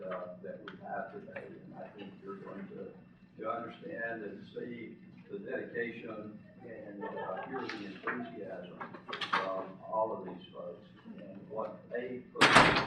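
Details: Adult man with self-reported spasmodic dysphonia, speaking as president of a spasmodic dysphonia patient association at its educational conference; real condition, spasmodic dysphonia.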